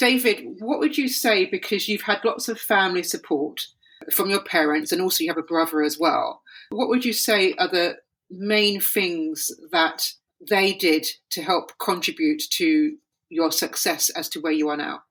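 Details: Adult woman speaking; typical speech.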